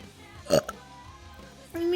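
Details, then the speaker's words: 24-year-old woman burping on a livestream: a single short, low, throaty burst of belched air, then a brief voiced sound, with faint background music. "what are you talking about I'm sorry I had to do a little burp can I get your best burp"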